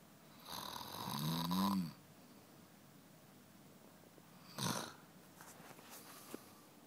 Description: Snoring for many secs in the night